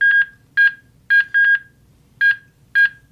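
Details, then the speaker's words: HeartSine Samaritan 450P AED demonstration: steady, crisp electronic metronome tones at chest-compression pace in a quiet room, guiding CPR compression rate, with good-speed feedback. "So as we get CPR started, and we get in time with that metronome, we're going to see the green light."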